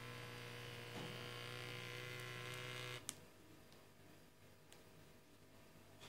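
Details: Motor hum of cuff inflation on a portable wrist digital automatic blood pressure monitor stops after three seconds, then faint clicks and quiet release as the cuff deflates.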